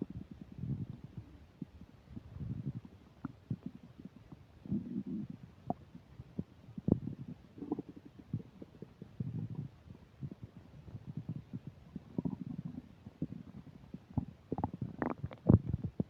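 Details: Upset digestion while eating a burger and fish fries, recorded with a microphone: frequent low gurgles and rumbles with scattered pops and clicks from the belly; active bowel sounds (borborygmi) during the meal.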